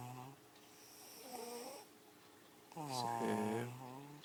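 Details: Snoring during sleep: two drawn-out, droning, tonal breath sounds; someone afterwards says "wake up."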